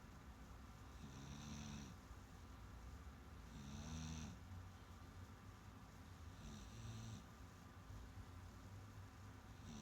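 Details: Snoring.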